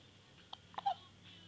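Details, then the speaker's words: Baby hiccups: a faint, brief hiccup in a quiet room; ordinary hiccups. "Aw, got the hiccups really good, don't you?"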